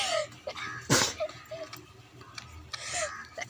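A single sharp, explosive sneeze burst rises out of quiet room noise with faint voices around it.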